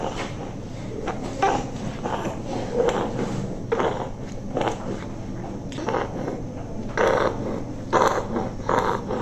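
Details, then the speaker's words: A child who is otherwise well, with noisy breathing possibly since birth, has an expiratory monophonic wheeze; a congenital cause masquerading as asthma is suspected. "And if you look at this child carefully, then otherwise the child is well, but the child has some expiratory noise."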